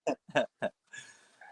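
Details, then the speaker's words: Dog snoring during sleep, heard in the background of a video call: three short nasal grunting snorts, then a longer rasping breath. "what is that noise there that oh that's my dog snoring i thought jamie was standing by you all right"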